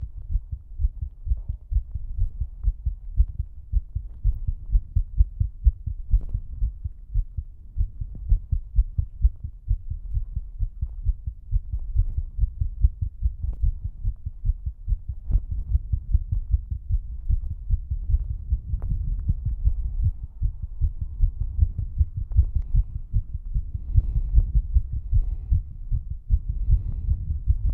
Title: Struggling Female Exercise Heartbeat (w/heavy breathing + 1k special!)